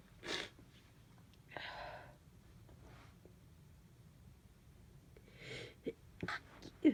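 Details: Several short sneezes, some stifled, with breathy intakes in a quiet room, from a person with half a cold, stuffy and runny nose but feeling fine.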